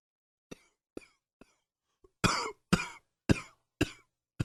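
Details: Adult coughing in the morning, attributed to allergies: a string of about eight coughs, short light ones first, then louder, harsher bursts.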